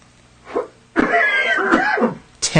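A short throat sound, then a single deliberate, acted cough muffled into the sleeve; a voluntary cough showing cough etiquette.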